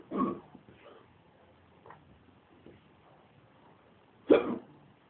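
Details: Drunk person with bad hiccups: two abrupt, gulping hiccups about four seconds apart over a quiet background.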